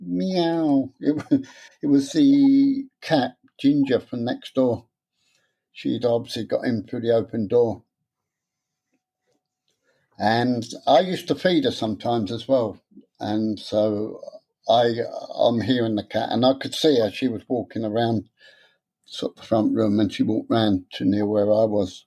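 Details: Adult man with stuttering since about age seven, beginning after childhood trauma; he later attended a three-day adult therapy course.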